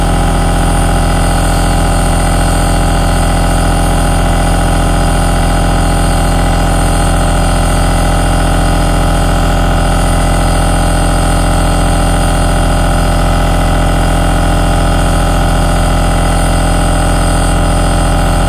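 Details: Aerosol nebulizer recorded as a relaxing ASMR noise: continuous running sound of the nebulizer compressor.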